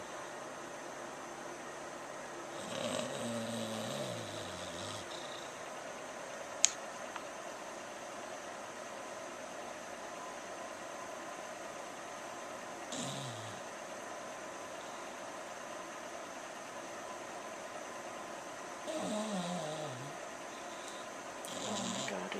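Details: English Bulldog napping, recorded on a Flip Video camera: soft snores with a wavering, whistling pitch every six to ten seconds over fan-like room hum; snoring in a flat-faced dog.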